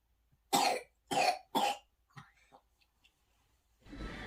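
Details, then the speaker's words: Young girl too sick for daycare, recorded in the morning, milder than her night coughing with barely any breath between coughs: three sharp, harsh coughs in quick succession, then faint breaths; coughing fit. "and that was a mild version of this night so obviously it's not very good with her she won't be going back to daycare for a full week"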